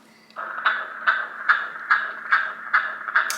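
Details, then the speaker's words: Fetal heartbeat recorded at a 16-week private scan and played back from a teddy: rapid, regular whooshing beats at about 143 per minute, within the usual range. "one positive thing about my whole pregnancy that I absolutely love is um at 16 weeks we went for a private scan and we got to listen to the baby's heartbeat and we got it put in a Teddy let's listen"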